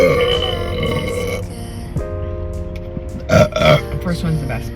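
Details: Someone eating spicy jalapeño crunchy snacks in a car on a thrifting day gives big burps: long, low, rumbling belches over background music.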